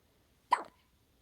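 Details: Hiccups in the middle of the night: one short, abrupt voiced catch in a quiet room, fitting a single hiccup.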